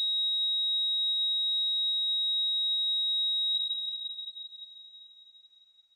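A steady, unbroken high-pitched monitor tone that fades out: the flatline alarm of asystole, simulated.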